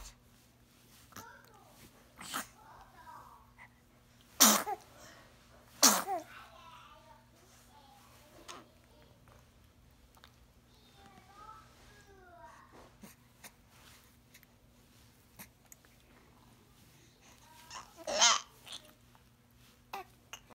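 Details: Three sharp sneezes, two close together and one later, with soft voices and noises between: sneezing.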